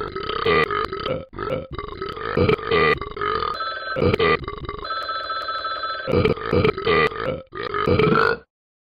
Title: Talking Ben burps